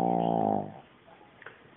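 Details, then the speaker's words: Dog snoring on the sofa while resting the day after a neutering operation: a single loud, rumbling, throaty snore fading into quiet breathing. "my dog oh can you hear that noise that is him snoring snarling beast oh he's chilling because he had a little operation yesterday"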